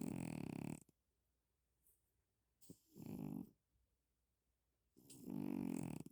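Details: Sleeping cat snoring: loud, low rumbling snores with quiet pauses between breaths, sounding much like a person snoring.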